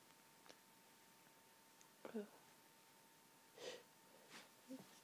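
Several short sharp sneezes with quick in-breaths between them in a quiet room, part of a sneezing fit from hay fever.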